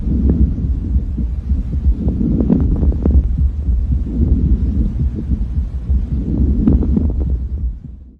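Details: Fine crackles (subcrepitantes), lung sounds associated with interstitial processes such as pulmonary fibrosis and early edema: breath sounds with brief, fine crackling pops in clusters.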